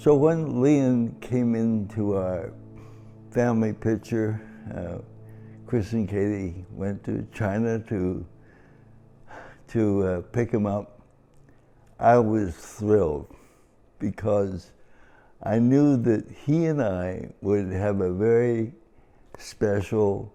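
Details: Adult man with cerebral palsy, affecting both his speech and his walking; married for 57 years; dysarthria (cerebral palsy).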